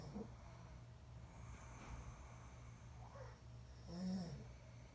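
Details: Light snoring during sleep, recorded 1-8-23: soft, low, rumbling breaths with faint snorting.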